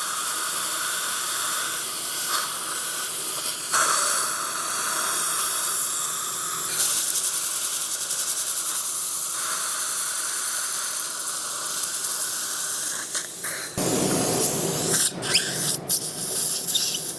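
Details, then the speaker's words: Guided dental implant surgery after extractions, after punching out the tissue through a surgical guide instead of raising a flap; steady high-pitched drilling hiss with water spray and suction, shifting partway. "Go ahead and punch that tissue out. As you can see, this will be a much more or much less invasive procedure than if we're going to freehand it."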